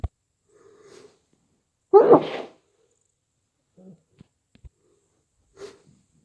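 A short intake of breath, then one muffled, stifled sneeze followed by small sniffs; congested sneezing with a cold.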